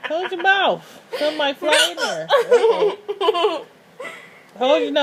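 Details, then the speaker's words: A girl laughs hysterically in bursts broken by sudden sharp catching hiccups, with an adult's voice nearby; hiccups during laughter. "Is it ever going to end? Oh, Lord. There's another one. When are you going to stop?"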